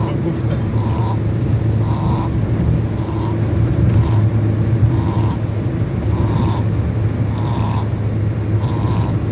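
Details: Shih-Tzu dog snoring during a car journey: soft, regular snuffling snore bursts about once a second over a steady low vehicle engine rumble.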